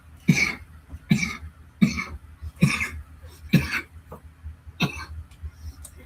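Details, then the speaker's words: Adult coughing close to the microphone while reading aloud: a run of about six short, dry coughs and throat clears. ">> Sorry about that. Didn't mean to cough in your ear."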